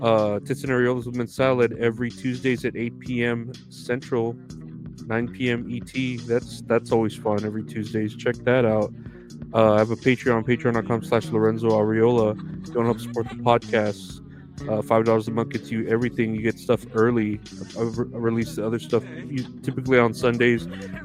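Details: Adult male speaker over background guitar music; ordinary speech.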